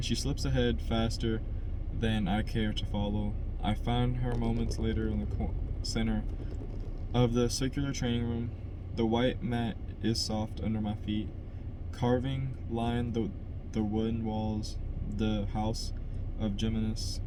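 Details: Adult man who stutters, by his own account a little, reading a novel chapter aloud as practice to help his stutter; word repetitions; stuttering.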